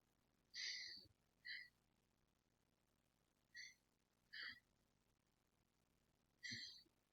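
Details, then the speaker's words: Auscultation over the back during a head-to-toe assessment: short, airy breath sounds repeat at an even, unhurried pace, clear bilaterally; normal breath sounds. "foreign okay breath sounds are clear bilaterally"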